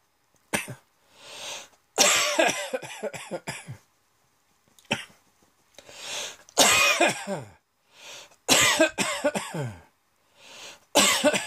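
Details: A sudden, unexpected throat-tickle cough that came on while working at a computer: repeated bursts of dry, rasping coughing with short in-breaths between fits.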